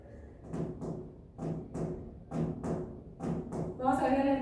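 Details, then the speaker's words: Simulated heart sounds at about 65 beats a minute with an added third heart sound (S3 gallop), presented in a cardiac semiology class in the context of a rigid hypertrophic ventricle from severe aortic stenosis. "El ventrículo hiper hipertrófico es rígido. Entonces, ¿sí no vamos a escuchar? Vamos a agregar el tercer ruido."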